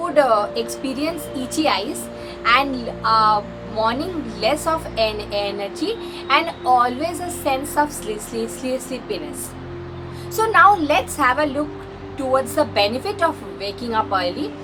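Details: Female vlogger who identifies as a person who stammers; stuttering with word repetition.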